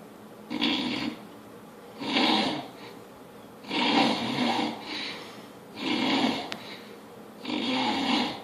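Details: Loud, rough, rattling snores on each in-breath about every two seconds, with quieter breathing between them in a small room; snoring.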